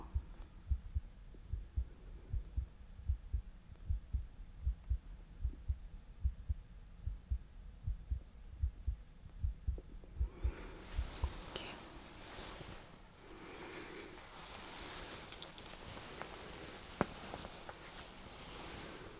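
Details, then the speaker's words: Simulated ER heart exam for a racing, pounding heart: abdominal aortic pulse through a stethoscope, soft regular low thumps at about 75 a minute, then rustling and handling noise. "So I'm gonna listen to your heart. I'm just going to hopefully this isn't too cold. listening to your abdominal pulse as"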